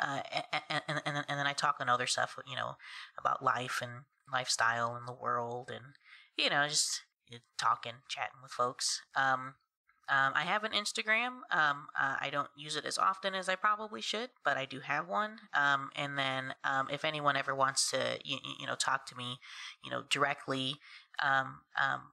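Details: Adult woman who stutters, more so in stressful conversations; stuttering.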